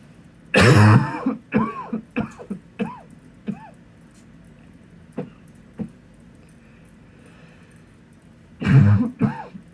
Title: Coughing into my pillow (M)